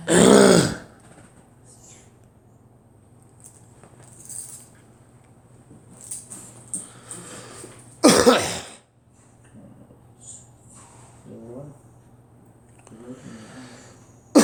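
Two loud harsh coughs, separated by quiet with faint voices and room noise.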